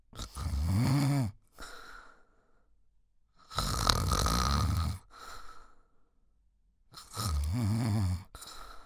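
Loud, rumbling snores on each breath in, with quieter breaths out between, about 17 breaths a minute.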